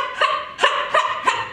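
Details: Performer with Tourette syndrome producing bark-like vocal sounds between apologies; vocal tics (Tourette syndrome).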